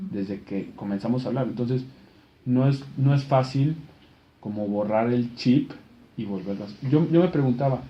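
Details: Stuttering in an adult Spanish speaker who was trained in England as an instructor of the McGuire Programme stuttering method.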